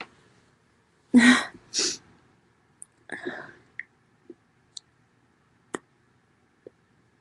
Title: Loud Sneezing (F)